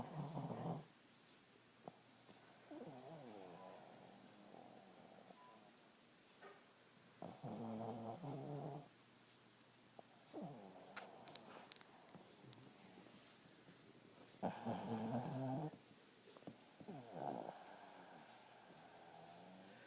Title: Roxie snoring!